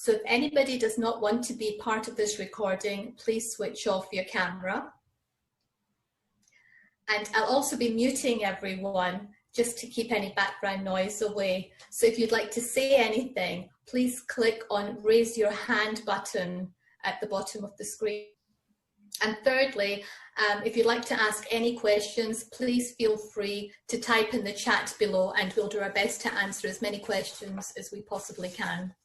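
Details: Adult woman speaking; typical speech.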